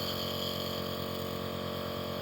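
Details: Steady mechanical hum and buzz of a nebulizer compressor running continuously, delivering Ventolin to ease breathing, as home therapy for a cold with cough and runny nose.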